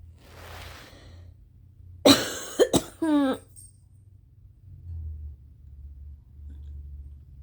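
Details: At 4:30 AM after a sleepless night, allergy flare in rain: three forceful, harsh, mostly uncovered coughs, the last trailing into a voiced groan; violent coughing fit.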